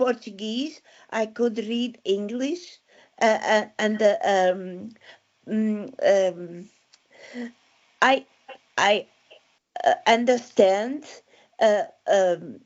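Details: Aphasia following a stroke in December 2016, with word-finding difficulty.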